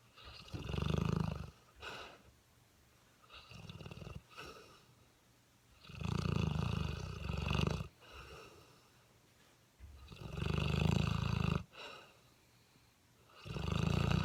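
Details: Sleeping 7-month-old mastiff puppy: deep, rumbling snores on each breath, about 17 breaths a minute, with softer snorts in between; snoring.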